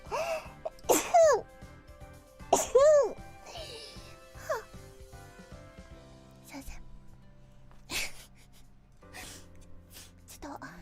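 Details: Two sharp, high-pitched sneezes from a VTuber, each after a quick intake of breath, with softer vocal sounds and music in the background; sneezing.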